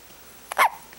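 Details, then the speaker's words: Young baby with hiccups: a single brief, squeaky hiccup against a quiet room. "Are those pesky little hiccups? You sound like a squeaky toy."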